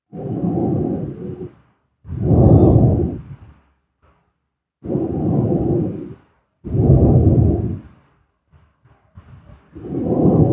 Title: SLEEP STREAM ASMR SLEEPING SOUND|Snoring